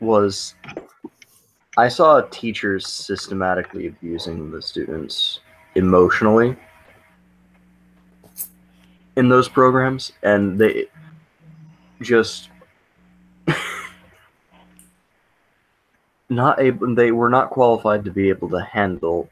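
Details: Male speaker who stammers, went through special education and a speech program, and reports a misdiagnosis of autism (stuttering).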